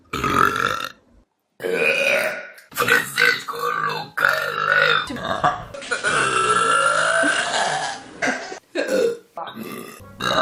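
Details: Burping compilation: a run of loud, long, rumbling belches, one drawn out for several seconds, with brief pauses between; voluntary burping.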